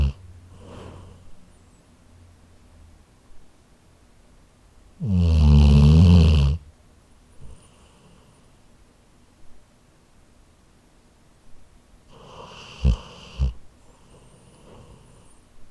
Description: I happened to have my H4n handy, so I recorded my Labrador snoring.